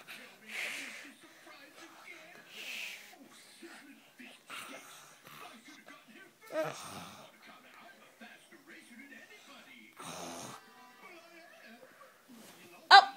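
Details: Child asked to show how he snores fakes it with a few irregular, breathy, snorting noises in a quiet room; imitated snoring.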